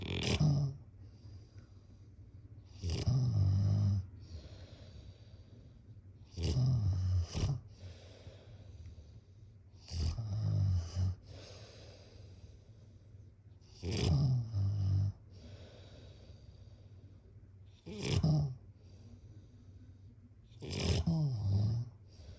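Deep, rattling snores recur regularly, about 18 per minute, with quiet breathing between them.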